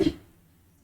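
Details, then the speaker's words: Single short cough burst from someone during an economics lecture, fading quickly into near silence; the lecturer calls it a little cough. "ऐसा आप लोग चिंतित होने लगे कि थोड़ी सी खांसी से, हे भगवान क्या होगा।"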